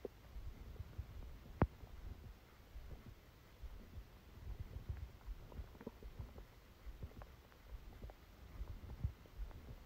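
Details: Abdominal sounds during a stomachache after Christmas dinner, recorded while the person slept: faint, irregular gurgles and clicks over low background noise; stomach rumbling bowel sounds.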